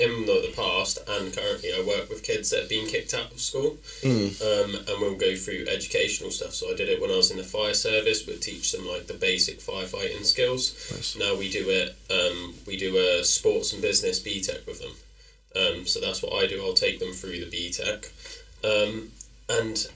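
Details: Adult male speaker; typical speech.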